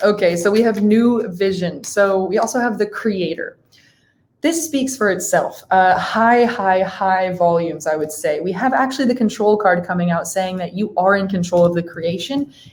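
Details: Adult woman speaking; Typical speech.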